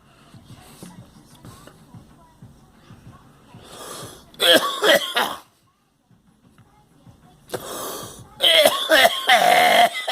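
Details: Girl and another person coughing: two clusters of short, harsh coughs separated by a pause, soft music in background.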